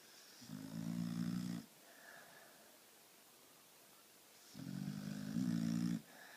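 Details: A sleeping female snoring: two long, low rattling snores on the in-breath about four seconds apart, with quiet pauses between; ordinary snoring during sleep.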